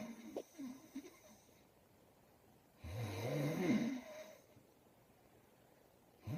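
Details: Loud, rough, low rattling inspiratory snore lasting about 1.5 seconds, between quiet pauses in a small room; snoring.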